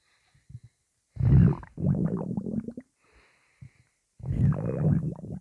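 Loud, deep gurgling growls in two bursts with brief gaps, intense stomach rumbling from gas and fluid moving in the gut.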